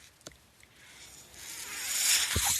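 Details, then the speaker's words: Soft airy hiss building over about two seconds from the speaker's own mechanical ventilator delivering a breath while he talks on his podcast; mechanical ventilator breathing cycle. "That noise you're hearing is my ventilator."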